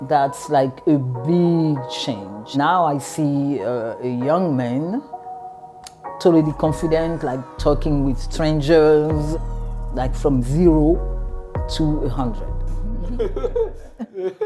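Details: Adult speaker; ordinary speech.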